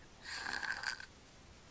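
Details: A sleeping boy snores while mouth breathing without nasal congestion. He holds his breath, then gasps for air in repeated episodes, consistent with obstructive sleep apnea.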